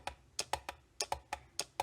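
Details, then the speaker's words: Sharp plastic clicks as the depth button on a Derminator 2 microneedling pen is pressed repeatedly to cycle the needle depth, which ranges from 0.25 to 2.5 mm. "This device is able to do a large number of depths, so you'll change the depth by clicking the right-hand blue button that says depth."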